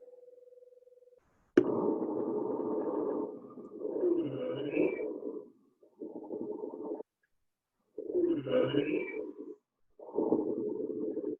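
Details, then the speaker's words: Wheeze example played in a lecture on respiratory assessment: breath sounds with a steady high-pitched, squeaky, musical tone through each breath, separated by pauses, from air forced through narrowed airways. "okay so that was wheeze's wheeze is more of a high-pitched kind of a squeaky um musical type of sound"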